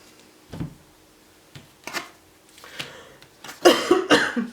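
Several short, sharp bursts in a small quiet room, the last two louder and closer together, sounding like dry coughs or throat clearing.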